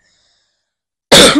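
After a second of near silence, a single abrupt, harsh cough burst begins and is cut off.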